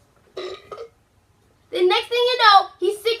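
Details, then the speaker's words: Several loud, drawn-out voiced burps in a quiet room, one short pair followed by a longer run. "hello this is okay so these sounds like like these that he's about to do like this one i just need to light it up a burp"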